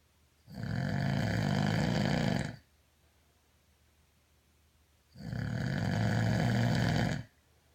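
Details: Two long, loud, low rumbling snores of about two seconds each, separated by quiet pauses, at roughly 13 breaths a minute; a person snoring.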